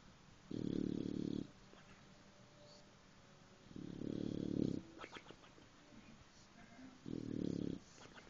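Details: Sleeping dog snoring in slow, regular rumbling breaths, about eight a minute.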